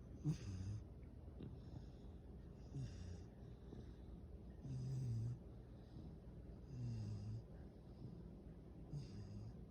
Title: A Loud Snores From A Yellow Labrador Retriever Puppy - Sleepy Dog